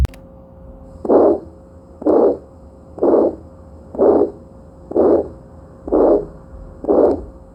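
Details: Adult bovine heart auscultated by stethoscope at the fifth intercostal space (tricuspid area): steady, regular beats about 62 per minute with a faint hum, within the 40–80 adult range; normal heart sounds.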